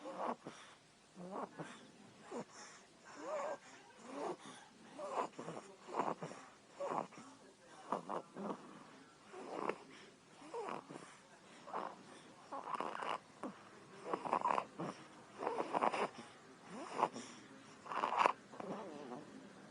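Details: 3-week-old baby girl snoring during sleep: quick, regular noisy snorting breaths, roughly 70 a minute, each a short rough rattle on the airflow, like her father's snoring.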